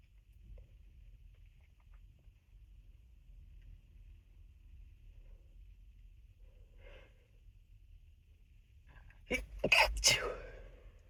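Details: Quiet room, then a few soft sniffs and a cluster of sharp, muffled sneezes held back with a closed mouth; stifled sneezing, from an unedited session.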